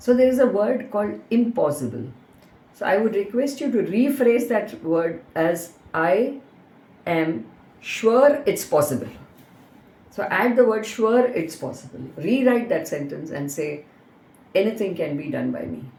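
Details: Adult woman speaking; ordinary speech.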